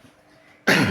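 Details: Single loud, harsh cough after a quiet moment from a patient with a cough lasting weeks, during a traditional kretek/massage session.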